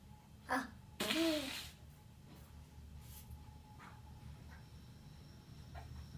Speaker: Sneeze again. Why are you sneezing, Dad?